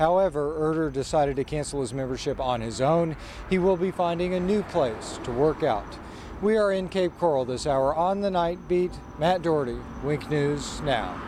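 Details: Adult male news reporter; Normal fluent speech.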